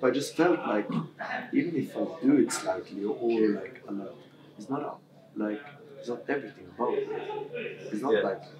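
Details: Adult male who has stammered since about age six, with severity varying from day to day; stammering.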